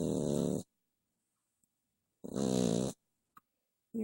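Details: Short, loud, buzzing snores separated by silent pauses from a sleeping dog late at night.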